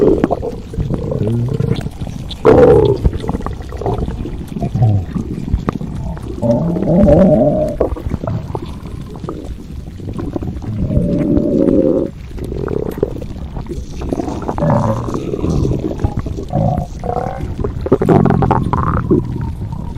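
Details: Low gurgling, rumbling and squeaking that come and go irregularly from a woman lying in bed; stomach growling (borborygmi).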